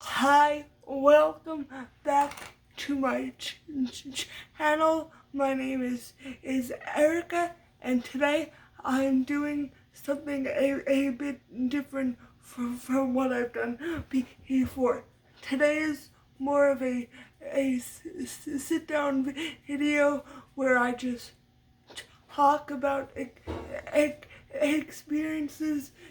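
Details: Stuttering with blocks in an adult woman, lifelong and part of muscle tightness from cerebral palsy (brain damage as a baby); speech therapy since childhood, uses techniques to minimize it.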